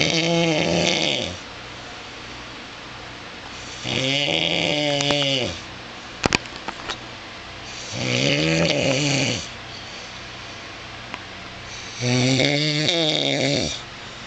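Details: Adult man (husband) snoring during sleep at 2:24 a.m., filmed by his wife: loud rattling snores on each in-breath, about 15 a minute, with quiet pauses between and faint room hum.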